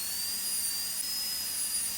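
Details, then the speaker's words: Demonstration on a typodont model: steady high-pitched whine of a high-speed dental drill with bur at 45 degrees during occlusal reduction (about 1–1.5 mm) on the buccal aspect for stainless steel crown preparation. "Care must be taken not to touch the adjacent teeth while preparing this tooth. We have now completed the occlusal reduction on the buccal aspect of the tooth."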